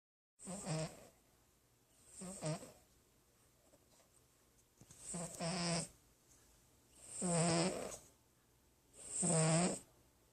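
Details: Sleeping cat snoring softly in a quiet room: five rattling, fluttery snores at about 30 breaths a minute.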